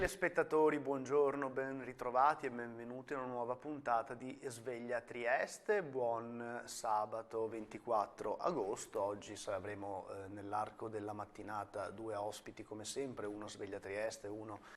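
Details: Adult male TV host; typical voice.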